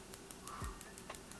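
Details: Focused extracorporeal shockwave therapy device firing during a treatment session on a patient: regular sharp ticking pulses about six per second, faint against room noise.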